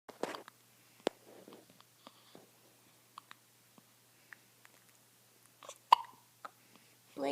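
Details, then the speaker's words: 8-day-old newborn baby boy with hiccups: repeated brief, sharp, click-like gulping catches in a quiet room. "people are gonna think you always have hiccups. Oh dear."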